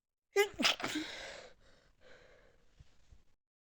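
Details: Sneezing while high: a quick in-breath, then a loud sneeze followed by a breathy sigh and soft trailing breaths.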